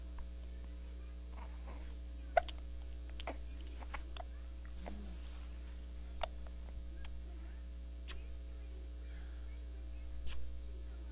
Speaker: They're gross. Hiccups are gross.